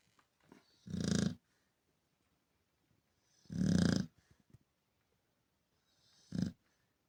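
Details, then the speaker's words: A sleeping Chow Chow dog snoring: three loud, rough snoring breaths a few seconds apart in a quiet room. "Вы когда-нибудь слышали, как храпит чау-чау? Сейчас вы это услышите."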